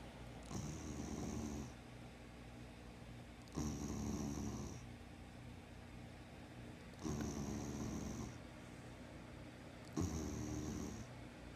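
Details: Sleeping spayed female dog, formerly a street dog, sleeping with eyes open: steady rattling snores on each breath in, about three in ten seconds, with quieter breathing out between. Snoring.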